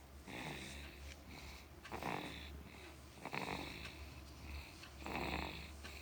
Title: Bayi tidur ngorok